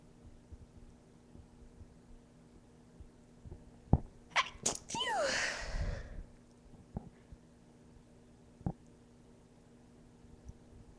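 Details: A few catching breaths build into one forceful induced sneeze from a female, with a trailing voiced cry over faint room hum; a single sneeze.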